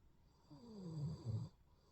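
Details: Snoring: one low, rumbling snore on an in-breath, rising to a rattling flutter before fading into a quiet room.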